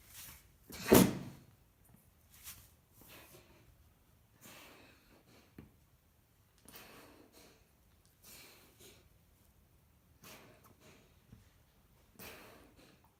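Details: Cough from a grey seal with lungworm infection, with blood at the mouth, coughing and spluttering; he has been dewormed.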